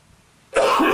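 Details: Single short, forceful acted cough, muffled into the elbow sleeve, after a brief pause, in a humorous educational demonstration of coughing into a sleeve to avoid spreading germs; simulated cough.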